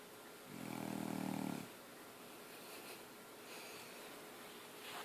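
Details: Snoring: one loud, buzzing, rattling breath in, then quiet breathing.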